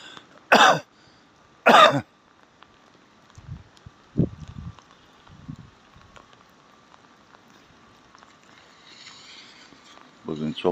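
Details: A man outdoors gives two sharp, deliberate voluntary coughs, trying to call a cat, then steady heavy rain with faint scattered sounds.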